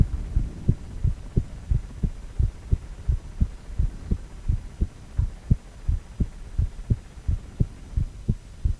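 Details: Heartbeat sound from a cardiac ultrasound, 4-chamber view of a male heart: steady, regular low thumping, about 85 beats a minute, with a faint hum behind it; normal heartbeat.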